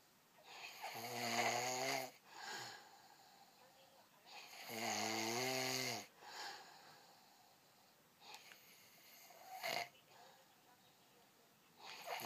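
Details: Loud rattling snores on breathing in, three in twelve seconds, with quieter breaths out between them: snoring.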